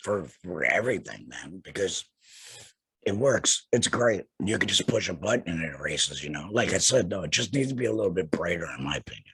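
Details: Laryngectomee speaking with a tracheoesophageal puncture voice prosthesis; tracheoesophageal speech after laryngectomy.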